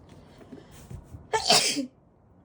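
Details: Person sneezing while their cat reacts: a brief in-breath followed by one loud explosive sneeze in a quiet room.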